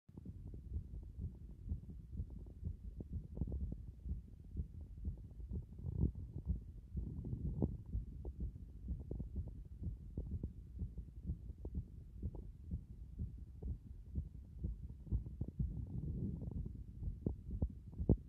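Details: Soft, regular low thumps of a heartbeat through a stethoscope at various chest positions, about 60 to 65 beats a minute; normal heart sounds.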